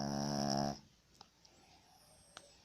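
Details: Dog snoring: one loud, rattling snore lasting under a second, then quiet room sound with a few faint clicks.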